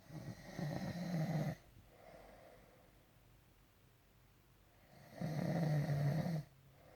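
Two loud, low, rattling snores on inhalation about four seconds apart, with quiet breathing between: snoring.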